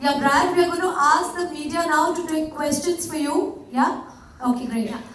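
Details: Adult woman speaking; Normal speech.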